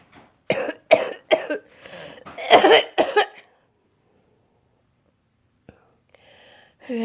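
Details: Person with cystic fibrosis just home from hospital, with at least two more weeks of antibiotics ahead: run of about six harsh, forceful coughs in quick succession, then quiet.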